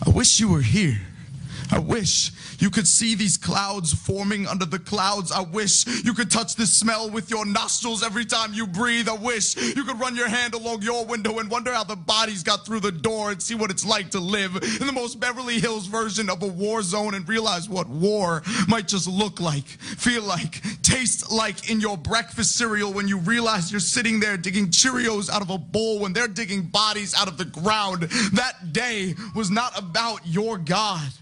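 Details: Adult performing spoken-word poetry; typical speech.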